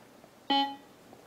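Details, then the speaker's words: Single short electronic chime from a Maquet Servo-i ventilator during its automatic pre-use check: an alert that one or more batteries may need replacing, on an old unit known to have bad batteries; ventilator battery alert beep. "One or more batteries may need to be replaced. We know that we have some bad batteries in this one. This is an old one, so we're just going to say okay."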